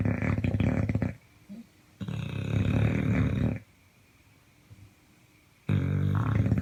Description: This video is about Snoring